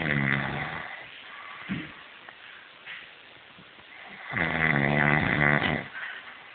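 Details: Two loud, rattling, buzzy snores separated by a quiet gap, with soft snuffling between them; snoring.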